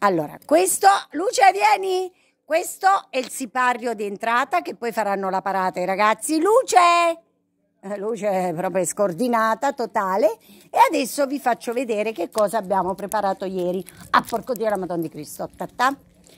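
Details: Female vlogger with Tourette syndrome, with an involuntary vocal tic of blasphemous or profane words (coprolalia) during her speech.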